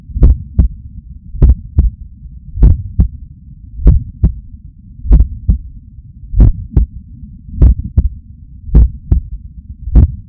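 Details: Adult waking up stressed, heart pumping hard; Stemoscope electronic stethoscope stuck to chest under shirt: steady strong lub-dub at about 50 beats a minute over low background hum: normal heart sounds.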